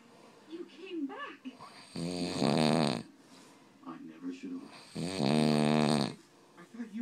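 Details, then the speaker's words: Adult man (stepdad) asleep, loud rough rattling snores on the in-breath, two in seven seconds, quieter breathing between, with a baby sleeping nearby; heavy snoring. "I don't know how that poor baby is sleeping in that noise."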